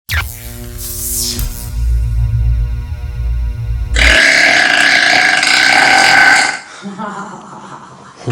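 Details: A long, loud, drawn-out belch recorded in the dark, one of several burps at different locations, over background music: burping.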